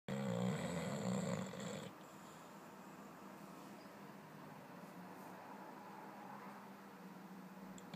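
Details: Boxer dog snoring while sleeping and dreaming: a loud, rough, rumbling snore in the first two seconds, then quieter steady breathing noise; dog snoring.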